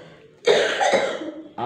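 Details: A single harsh, drawn-out, forceful adult cough lasting about a second, with another starting at the end, from a person with shortness of breath and cough.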